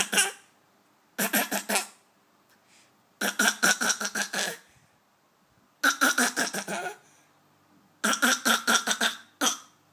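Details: A young boy playfully imitates an adult man's cough and throat clearing in five quick voiced bursts.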